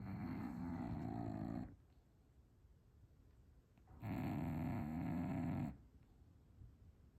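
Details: Two long, loud, buzzing snores about four seconds apart, with quiet pauses between, from a sleeping dog; heavy snoring.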